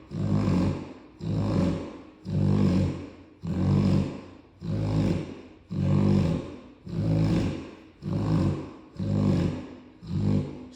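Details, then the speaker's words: Cane Corso dog asleep, snoring loudly enough to drown out the TV: deep, regular rumbling snores, about ten in eleven seconds. "Shit, Pop, you getting it in, ain't you? My boy tired. Boy, you snoring like a grown man."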